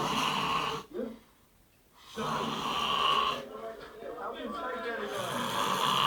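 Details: Heavy snoring from a sleeping person: loud, harsh, rattling snores in long bursts with brief silent gaps between breaths.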